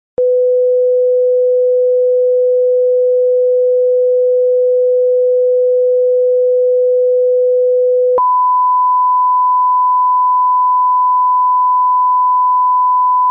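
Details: Pure-tone hearing test tones at constant loudness, stepping from low to high pitch, each held 8 seconds: a lower tone, then a higher one, the same tones used in audiology testing.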